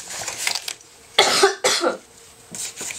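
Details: An adult who has been hoarse and losing their voice all day gives two short, harsh coughs in quick succession in a quiet indoor room.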